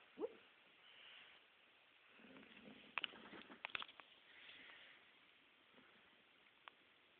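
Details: Sleeping dog dreaming: soft, muffled whimpers, yips and breathy huffs.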